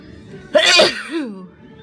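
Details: Sick person: a single sharp, hissing burst with a voiced tail; one sneeze.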